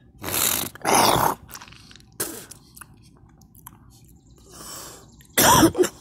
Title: me coughing and vomit